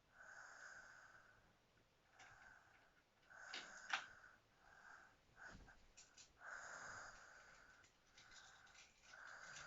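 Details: Sleeping: soft, irregular high-pitched whistling noises with the breaths, about 20 a minute, in a quiet room; snoring.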